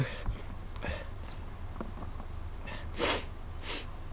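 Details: Two sharp, hissing sneeze bursts after a few quieter breaths; sneezing.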